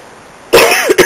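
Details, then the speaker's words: Person with a cold for a few days, congested: a single loud cough with a short throaty, rattly release after a quiet start; wet, chesty cough. "I've been I would have an itch nasty wet cough and I sounded like this but a lot more congested then excuse me"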